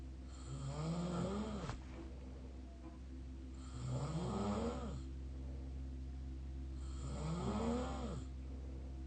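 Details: Three loud, rattling, fluttering open-mouth snores on inhalation, about one every 3.5 seconds, over a steady low background hum; snoring.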